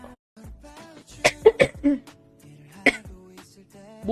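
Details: Three coughs then one more over background music from a girl who says her body condition is not good.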